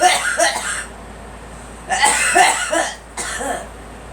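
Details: A young girl, encouraged to sit up and let it out, gives three short bursts of harsh coughing separated by pauses, with faint room noise.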